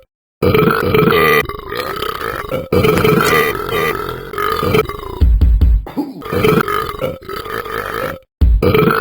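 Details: Attempted world-record burping: long, loud, rumbling belches one after another with short pauses between, music playing underneath; burping.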